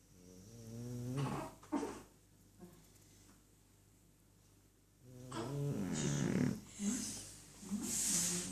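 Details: Sleeping dog snoring: two slow, rattling snore-like breaths separated by a quiet pause, with background hum.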